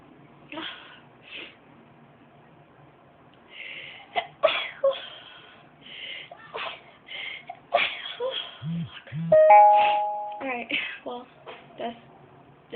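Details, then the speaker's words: Young woman deliberately making herself sneeze by tickling inside her nose with a rolled-up piece of material: short breathy sneeze bursts mixed with quiet talk, then a chime near the end; induced sneezing. "You just take this thingy right here, put it up till you hit that tickle spot. Just tickle it real hard."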